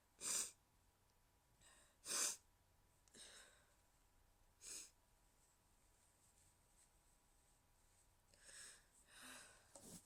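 Several quiet, stifled, hissy sneezes with soft breaths between them, sneezes deliberately held back to stay quiet.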